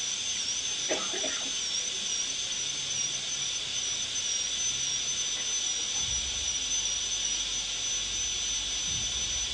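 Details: Steady high-pitched whine of a dental high-speed drill with hissing air-water spray throughout, during molar crown preparation for a PFM crown; dental high-speed handpiece with air-water spray.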